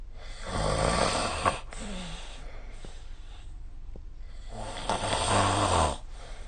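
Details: Two loud, rough, rattling snores on inhaled breaths, with quieter breathing between them: snoring during sleep, recorded with the SnoreLab phone app.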